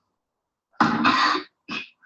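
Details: A child gives three harsh, barking cough bursts in quick succession, the first prolonged: a functional habit cough in a home video, occurring at least once a minute during play.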